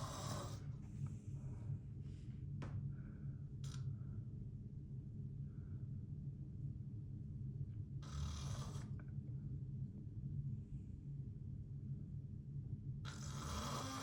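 Low, rumbling snore heard close up, with a few louder rough noises over steady low hum; snoring during sleep.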